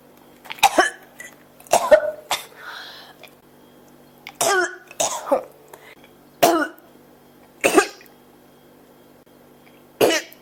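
About eight harsh, repeated coughs in quick succession, some with a throat-clearing quality, in a quiet room.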